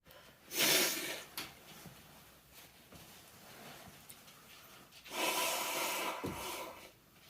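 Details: Two sneezes separated by quiet breathing, allergic sneezing from a cat allergy; the cat makes the person's eyes water.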